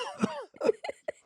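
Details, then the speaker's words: An adult coughing in a short run of abrupt coughs with brief gaps between bursts. "whoa do you hear that cough arms up arms up what does that mean it helps you stop coughing it does"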